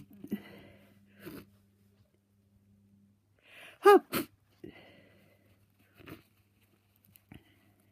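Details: Person with a cold and a very blocked nose sneezing: a sharp sneeze after a sudden in-breath, among quieter sniffs and snuffly breaths.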